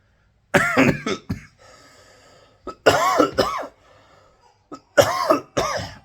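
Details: Sick adult with little voice, ill for about four months, coughing: repeated harsh, forceful coughing in three bouts of two or three coughs each, a persistent lingering cough after illness.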